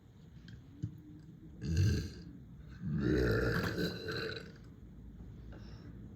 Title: Deep frat house burps😙🩷